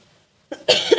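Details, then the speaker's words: Adult female, unwell with a cough and hoarse, failing voice during rainy weather: one short, harsh cough following a brief catch in the throat. "दोस्तों बारिश में कहीं जाना नहीं होता और मुझे खांसी लगी हुई है। दूर से मैं कुछ बोल भी नहीं सकती।"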